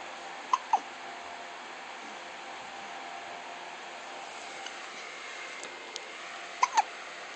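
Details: Infant hiccups: two pairs of brief, sharp hiccup sounds over steady room hiss.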